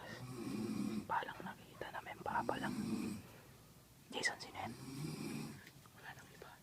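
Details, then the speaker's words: A person snores loudly, the snoring heard growing louder as listeners approach while searching for the snorer; snoring. "Hahanapin namin yung ung humihilik ang lakas dali dito malapit lalong lumalakas yung boses"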